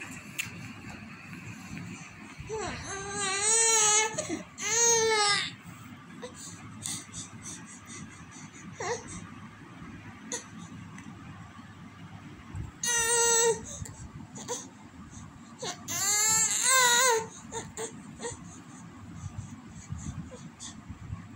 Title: Baby cry WhatsApp video.